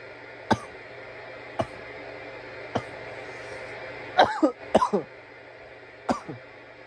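Repeated dry, harsh coughs, some in quick clusters, with a low steady hum behind; irritant coughing after smoking.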